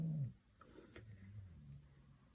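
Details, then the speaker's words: Faint, low rumbling snoring from a dog in a room below, heard beneath quiet indoor room sound while someone is stamping crafts. "so I'm using my Center flowers this time and so you can probably hear the dog snoring below"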